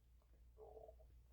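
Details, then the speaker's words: A brief low, gurgling rumble rising and fading over steady room hum, an adult's stomach growling picked up on the microphone; ordinary borborygmi. "And my stomach growling. You can probably you probably hear that on the mic, too."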